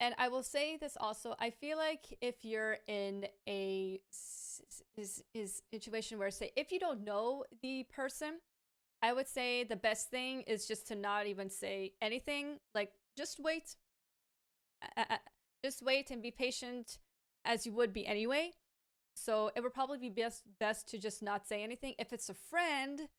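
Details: Adult woman with a lifelong stammer, treated with speech therapy, who says it is worse with pressure, anxiety or being rushed and currently worse in Hebrew than English, speaking English here: stuttering (stammering).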